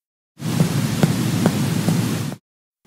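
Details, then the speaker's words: Mediate percussion of the chest demonstrated by DPT students, middle finger struck on finger over chest wall: short, flat, muffled taps with little ring; dull percussion note, as over dense tissue such as liver. "a dull sound heard over lung tissue may suggest consolidation or a tumor"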